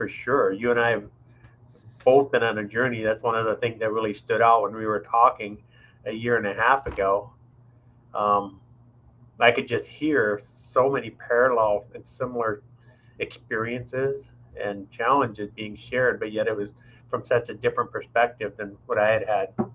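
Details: Adult male speaker; normal speech.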